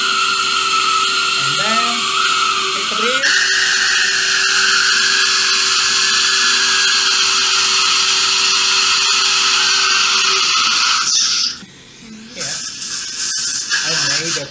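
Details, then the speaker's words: Steady high-pitched surgical drill whine during drilling just before immediate implant placement in a maxillary anterior extraction socket, then stopping: dental implant site preparation drilling. "this is my drilling technique in the maxillary anterior extraction socket"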